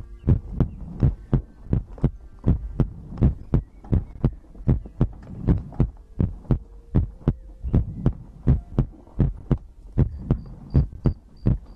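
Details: ASMR heartbeat-and-breathing compilation recording: steady, deep thumping heartbeat at about 80 beats a minute with a low hum underneath; normal heartbeat.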